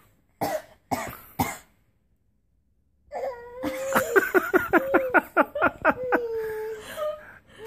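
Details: A baby in her copying stage saw her mom coughing and tries to copy it with short deliberate coughs and high-pitched rhythmic bursts, getting upset when she can't make the sound; a normal voluntary cough.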